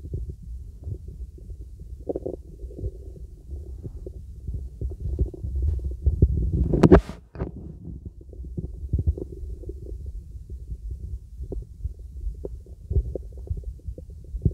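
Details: Normal bowel sounds heard with a real stethoscope over a girl's stomach during relaxing full-body auscultation.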